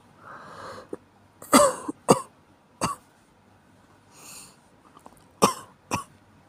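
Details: Adult with a common cold coughing: two short runs, about five coughs in all, each after an audible breath in.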